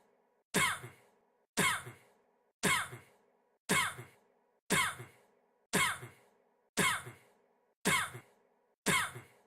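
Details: Coughing attributed to a singer: single sharp cough bursts repeating about once a second, very evenly, eight in a row; a steady repetitive cough.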